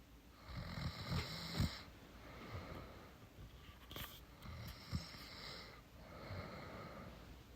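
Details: Girlfriend sleeping, tired after sex: soft, breathy snores with a few snorts, about three breaths heard; ordinary light snoring.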